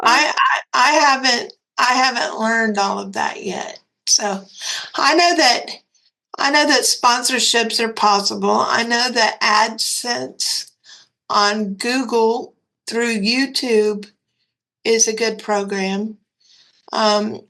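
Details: Dysarthria in a 34-year-old woman with cerebral palsy who reports that talking is hard for her.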